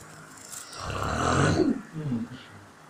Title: Tidur mendengkur/ngorok